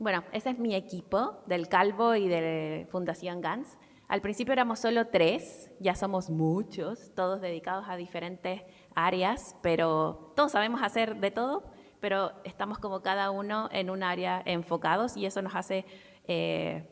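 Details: Adult woman; plain speech.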